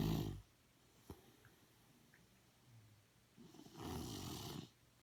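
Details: Sleeping dog snoring: two rough, rumbling snores with a quiet pause between them; ordinary snoring.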